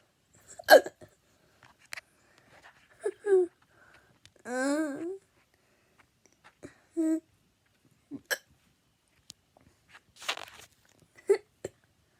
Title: gets hiccups